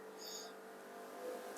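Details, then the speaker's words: A portable suction machine running during a home visit for endoscopic ear wax microsuction in a woman with limited mobility. It makes a quiet, steady motor drone with a faint high hiss, like a small motorbike idling. "which is why the noise you can hear in the background that's my portable suction machine sounds a bit like a little motorbike it's not quite as powerful as the one having Clinic as well unfortunately"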